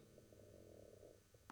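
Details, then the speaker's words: Man's stomach rumbling after drinking coffee: a low, bubbly gurgling rumble lasting about a second, ordinary borborygmi from gas and fluid moving. "you hear my stomach rumbling because of my coffee?"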